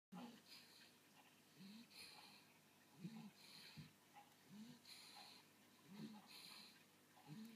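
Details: Sleeping dog snoring: regular low rattling snores with hissing breaths in, about forty breaths a minute, in a quiet room.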